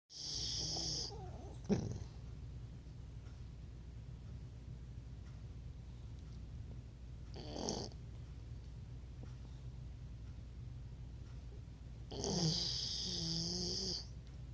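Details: Sleeping Labrador said to snore like an old man: periodic rattling, wheezy snoring breaths several seconds apart over a steady background hum; snoring.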